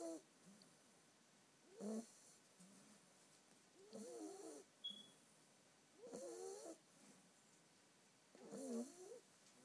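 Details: A ten-week-old female Staffordshire bull terrier puppy snoring while asleep: rhythmic, rattling snores, about 27 a minute, with quiet pauses between them.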